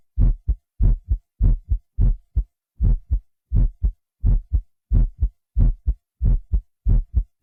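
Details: Deep, steady lub-dub heartbeat at about 90 beats per minute, recorded by a physician and digitally enhanced with a Synclavier system: a human heartbeat.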